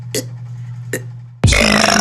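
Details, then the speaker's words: Two short soft burps, then a long loud rumbling burp. "Lovely burp that once, because I can't burp. It's a slow process."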